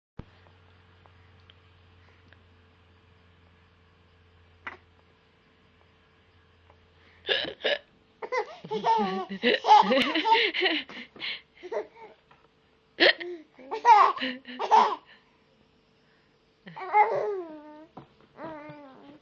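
Brief sharp catch-like sounds from an adult amid an infant's repeated giggling and laughter; consistent with hiccups.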